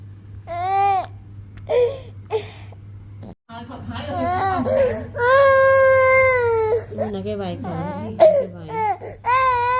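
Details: Baby crying in loud, tonal wails and sobbing bursts, with adult voices nearby in a small room.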